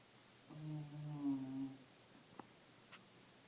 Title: Scottie snoring like a Mac truck